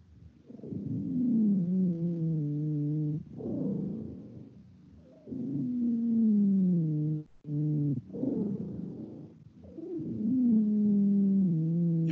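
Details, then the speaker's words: Teaching recording played in an EMT respiratory emergencies lecture: high-pitched musical whistling with each breath, a short inhalation and a longer, sustained exhalation. Exhalation is longer than inhalation. Wheezes. "here's wheezes let me know if you could hear it yes you hear the high pitch noise yes okay did you hear the exhalation was it longer than the inhalation"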